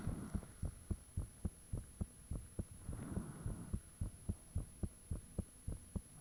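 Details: Own heartbeat recorded with the fan off, shortly after it became unusually thumpy: loud, fast, regular pounding thumps with a steady high whine; heart sounds.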